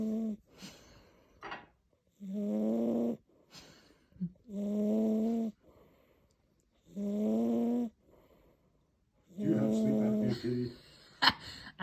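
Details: A chonky cat snoring loudly "like an old lady": loud, regular, voiced snores at about 25 a minute, each a rough drawn-out tone with short quieter breaths between.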